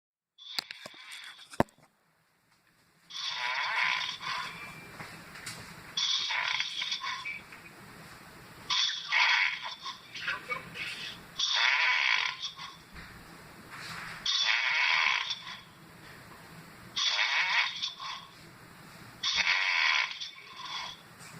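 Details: Snoring in slow motion, harsh raspy snores repeating steadily about 22 a minute, each lasting a second or two.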